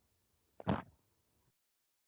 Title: Stomach growl